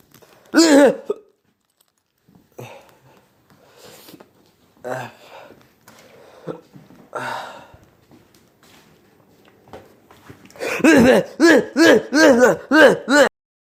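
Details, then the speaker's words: Acted imitation: after throat-clearing and a hard cough to dislodge something caught in the throat, a fast run of about six short, voiced, gulping hiccups. "Oh, I got it. Oh God, hiccups."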